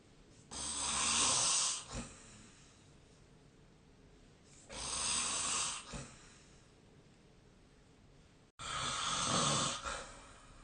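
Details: Three harsh, noisy breath sounds during sleep about 4 seconds apart, roughly 15 a minute, with quiet between; snoring.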